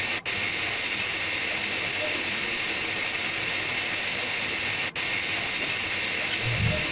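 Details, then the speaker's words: Continuous high-pitched whine with strong air-and-water hiss: high-speed dental handpiece with fissure bur cutting a Class I cavity outline, 1.5–2 mm deep, along the fissure of a lower first molar for amalgam. "the B is held also perpendicular to the oclusal plane inside one of the holes and then we move it along the fissure to the other hole"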